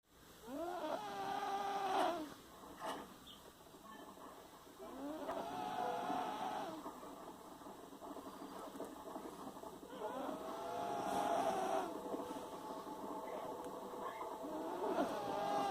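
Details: Drawn-out, tonal, whistling snore sounds with each breath, about every five seconds, over a background rumble; snoring.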